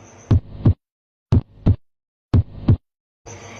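Three regular lub-dub beats at about 60 a minute, with clean first and second heart sounds and no murmur.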